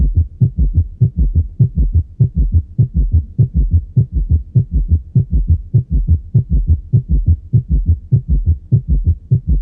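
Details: Heart auscultation with tachycardia near 100 a minute: S3 and S4 fused in shortened diastole into a loud extra low beat, possibly louder than S1 and S2; summation gallop, indicating severe cardiocirculatory failure.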